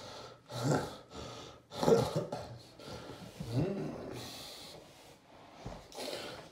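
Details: Loud, rough, snoring stertorous gasps in irregular bursts between quieter pauses during a real generalized tonic-clonic (grand mal) seizure in an adult man with epilepsy, kept on his side; déjà vu aura preceded it.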